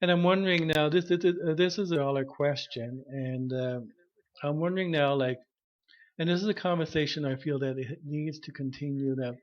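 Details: Stuttering in an adult man, self-diagnosed, who had severe stuttering when he began speech therapy at about age 21.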